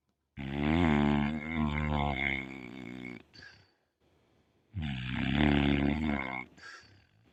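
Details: Sleeping pit bull dog snoring: two long, loud, vibrating snores on the in-breath, each followed by a short soft out-breath.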